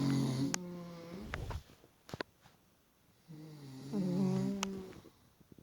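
Two rough, buzzing snores separated by quiet breathing and a few small noises; ordinary snoring during sleep.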